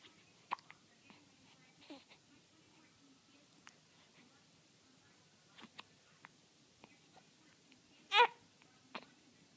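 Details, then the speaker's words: Infant's hiccups: small, sharp catches in the breath at irregular intervals, with one louder squeak; normal baby hiccups. "We don't like those hiccups, do we?"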